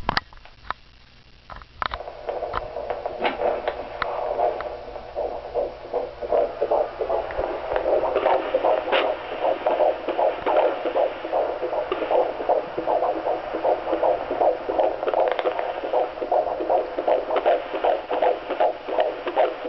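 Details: Fetal heartbeat at 14 weeks on handheld Doppler: rapid, regular whooshing pulses at about 158 a minute.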